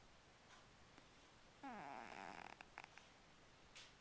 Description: cat snoring really loud!